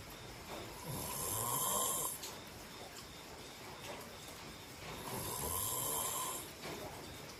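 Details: Person's snoring: loud, rattling snores on each breath in, about every four seconds, roughly 15 breaths a minute, with a quieter breath out between.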